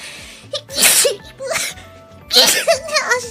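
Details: Female VTuber streamer sneezing on stream, then saying "excuse me": a quick run of three or four high, squeaky sneezes in about three seconds, over faint background music.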